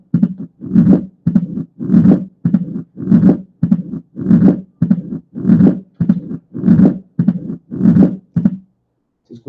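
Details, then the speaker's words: Mitral stenosis: slow heart rhythm with a loud first sound, split second sound, and low-pitched rumbling murmur with presystolic accentuation building before each beat. "y como se pueden fijar se escucha el desdoblamiento después un soplo de baja intensidad y después el reforzamiento presistólico"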